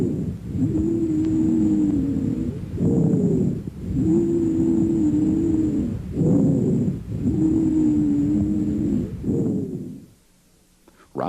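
Musical, whistling tones run through each breath over three breathing cycles, longest on the long breath phase; continuous wheezes.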